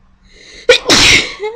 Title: more sneezing